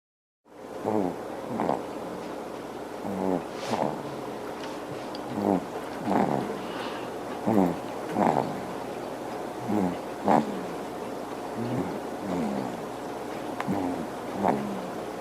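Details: Infant snoring in sleep: soft rhythmic snorting breaths, about 29 a minute, over a steady background hum; harmless-sounding.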